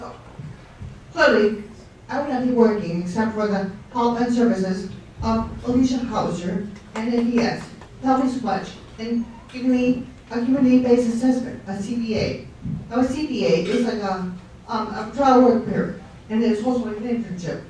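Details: Ataxic dysarthria following a stroke; guest speaker giving a speech at a fundraiser.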